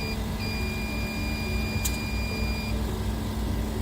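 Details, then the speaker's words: Ventilator alarm for high PEEP on the left patient during an iSAVE ventilator-sharing (two-patient splitter) setup demonstration: steady high electronic tone over loud low machine rumble. "let's turn that off so you can see that we have high uh pp for rotation left you can mute that"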